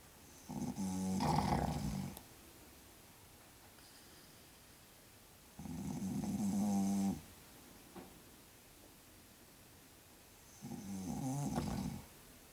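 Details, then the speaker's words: Loud snoring in an adult man who denies snoring, secretly recorded while asleep: three long, deep, rattling snores at about 12 breaths a minute with quiet pauses. "see Dad we told you you snore and that wasn't even the worst of it"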